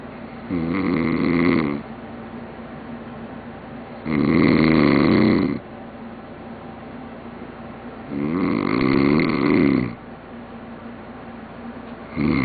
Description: A man snores, loudly....